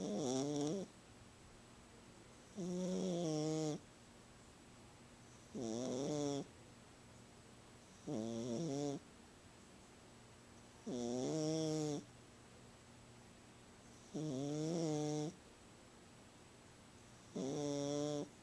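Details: Cat snoring in sleep, louder than her usual nightly snoring: regular rhythmic snoring with a buzzing, tonal quality on each breath, about 20 breaths a minute, in a quiet room.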